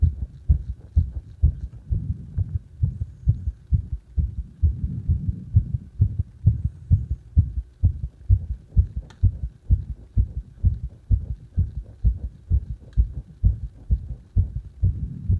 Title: My heartbeat sound during cpr